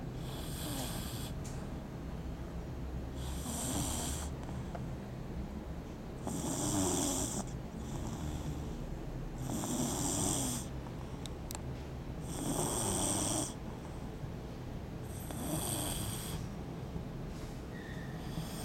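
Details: Snoring while sleeping under the table: steady, rhythmic snoring with a rough snore on each breath, about 20 breaths a minute; snoring.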